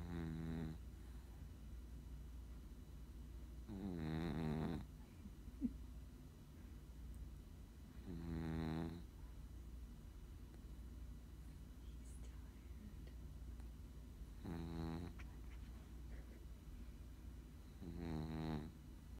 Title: Snoring chihuahua